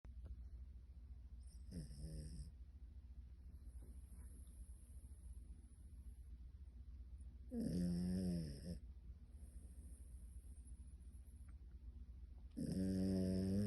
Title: She sleeps with one eye open and snoring 😃#shorts